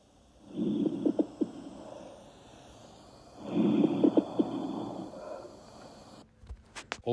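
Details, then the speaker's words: Chest auscultation: two breath sounds with low, bubbling popping bursts, coarse crackles indicating fluid in the lungs, as in pneumonia or pulmonary edema. "also listen for coarse crackles which is an indication of fluid in the lungs occurring in incidences such as pneumonia or pulmonary edema"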